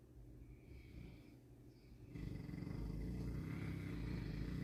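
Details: Boerboel dog born with a larger-than-average tongue, which makes it a heavy snorer: a deep, continuous rumbling snore during sleep that grows louder in the second half.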